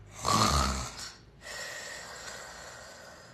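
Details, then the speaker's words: Loud snoring, possibly indicating obstructive sleep apnea: a single loud, rattling snore on inhalation, followed by quieter breathing and steady room noise. "cómo vamos conoces a alguien que ronca así bueno si conoces a alguien que ronca de esta manera muy posiblemente esa persona tiene una cosa que se llama síndrome de apnea obstructiva del sueño"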